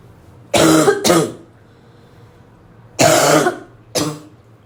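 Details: Repeated harsh, dry barking cough bursts in pairs with a hoarse edge, with throat clearing and snorts between.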